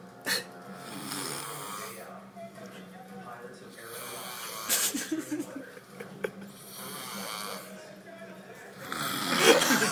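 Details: Drunk man asleep, snoring: loud, rough snoring breaths repeating every few seconds, with faint background talk and room noise; snoring.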